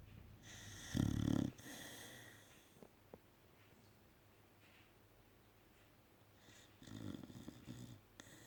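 Loud rattling snores from a sleeping dog, two long breaths several seconds apart, with quiet breathing between them.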